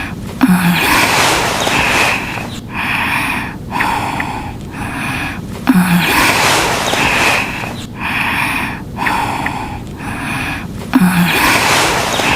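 Repeating cycles of noisy snorting inhalations and breathy exhalations, looped from a game sound effect; snoring.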